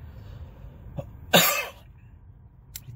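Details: Adult man with a cold, short breath and an uncontrollable cough, which he calls a bad influenza and not corona, while on cold medication: a single harsh, forceful cough with a smaller throat sound just before it.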